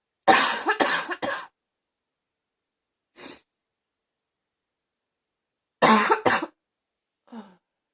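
Two loud bursts of harsh, barking coughs, each followed by a softer breath in.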